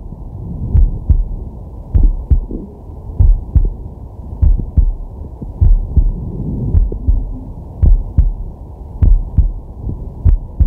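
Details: Resting adult male recorded with a digital stethoscope on his chest: slow, steady lub-dub heartbeat at about 52 beats a minute, with soft breathing underneath; normal heart sounds.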